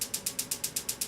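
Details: Steady, evenly spaced sharp clicking pulses, about eight a second, from an extracorporeal shockwave therapy unit treating an adult patient's Achilles tendonitis at the Achilles tendon.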